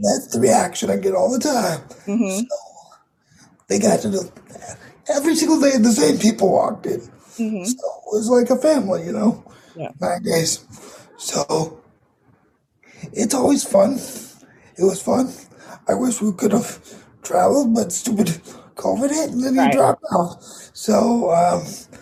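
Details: 22-year-old man with dysarthria from cerebral palsy affecting his muscles; he says tighter muscles make talking more difficult.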